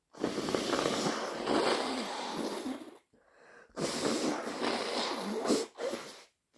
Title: Inducing with chhinkni, thick sniffles and blows